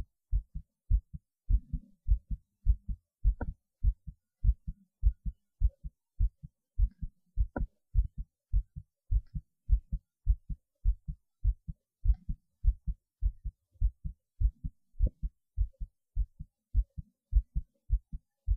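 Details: Clear, steady lub-dub heart sounds at about 100 beats a minute, mildly fast but regular; normal heartbeat recorded just after standing on the head.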